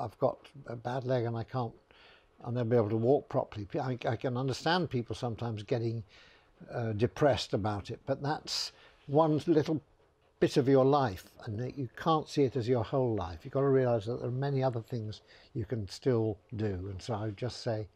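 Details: Adult male speaker; typical speech.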